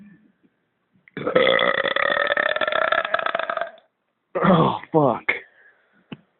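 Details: One long, loud, drawn-out belch of about two and a half seconds, then several shorter belches, deliberately produced, recorded on a phone mic.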